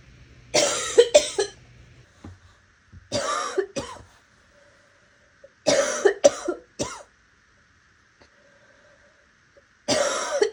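Several bursts of harsh, raspy coughing, some in quick pairs or triplets, with a rough, slightly wet quality.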